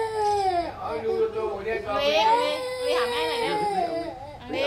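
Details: Infant crying recorded December 19, 2008; a sustained, wavering cry with rising and falling pitch and brief catches for breath, an ordinary baby's cry.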